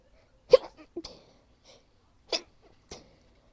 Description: I tried to stifle my sneezes, but ended up failing.